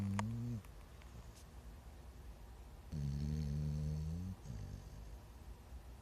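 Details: Dog napping after learning to give paw: low, droning, slightly musical snores with quieter breaths between them; snoring during sleep.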